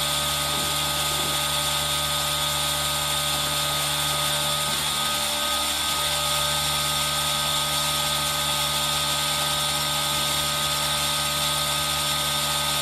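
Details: Aerosol nebulizer running: loud, steady mechanical hiss and hum, mixed with added rain sound; relaxation ASMR recording made with a Zoom H1n recorder.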